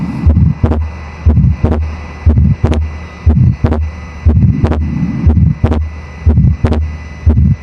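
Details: Simulated heartbeat, about 60/min: first sound, then a small mid-systolic crescendo-decrescendo murmur, then a split second sound whose separation stays the same on inspiration or expiration, from a septal defect; fixed split second heart sound.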